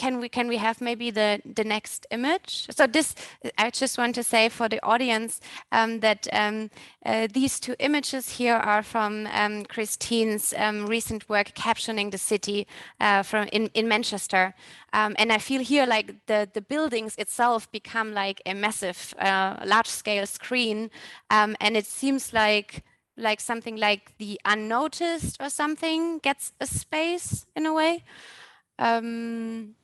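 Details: Adult woman; normal speech.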